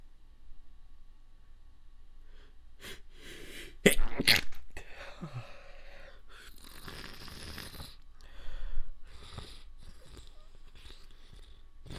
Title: Wet Stifled Sneezes